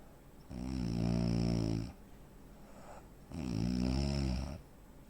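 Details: Real-life snoring from a 43-year-old man, 85 kg, 165 cm, with suspected sleep apnea: two long, loud, buzzing snores on breaths in with quieter gaps, breathing pauses typical of sleep apnea.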